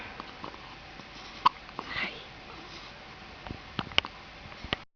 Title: Penguin Hiccups & Smile